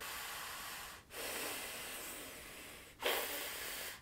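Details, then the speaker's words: Adult with nasal skin that collapses inward on hard inhalation: loud, steady airy hissing of long breaths drawn through the nose, separated by brief pauses, while wearing a nasal dilator strip. "but it is going to help you breathe out of your nose a lot easier so I'm going to try the happy breed now these are the nose strips put it right here"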